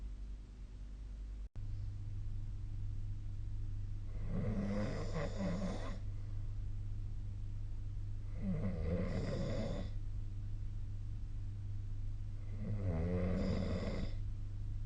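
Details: Adult snoring during sleep, recorded with the SnoreLab app: three loud, rough snoring breaths at a slow, steady pace over a constant low hum.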